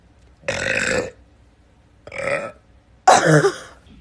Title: Burping Queen!